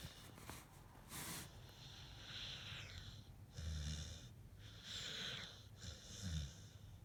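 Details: Male pit bull snoring and dreaming in sleep: irregular snorting, rattling breaths at about 45 per minute with soft dream noises; dog snoring.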